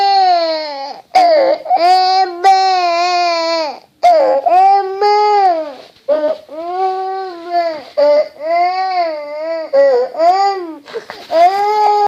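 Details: Young child crying hard while coughing; loud, sustained, tonal wailing in repeated bouts broken by sharp catching breaths.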